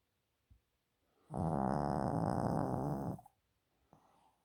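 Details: Snoring in a sleeping Yorkshire terrier: one long, rattling, fluttery snore of about two seconds, with quiet breathing around it.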